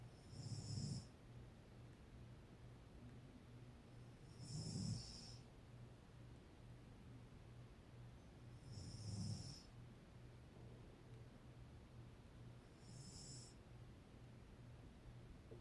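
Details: Four rattling snores with a whistling edge, about 15 a minute, from a sleeping adult woman (mother), over steady background hum: snoring.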